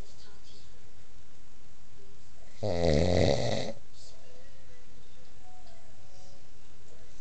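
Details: A single loud, rattling snore of about one second from a sleeping adult man (husband), in a quiet room.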